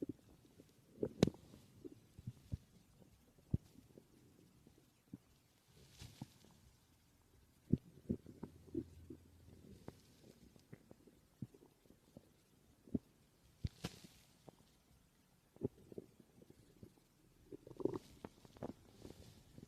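Scattered gurgles, pops and brief low rumbles over a quiet background: ordinary stomach growling.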